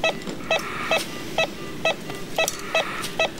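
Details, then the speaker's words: Simulated newborn resuscitation (estimated 3 kg) after emergency UVC epinephrine and compressions: ECG monitor beeps at about 128 a minute, showing heart rate above 100, then confirmed by auscultation. "so the ECG leads are saying that the heart rate is above 100 I'm going to go ahead and confirm with auscultation"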